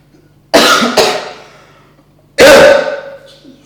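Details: Acted cough in a prank with food colouring as fake blood, faking chest burning: three loud, harsh cough bursts, two close together and then one more, not a real symptom.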